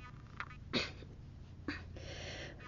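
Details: Person with Tourette syndrome: abrupt sneeze-like bursts and a sharp sniff interrupting quiet room tone, vocal tics.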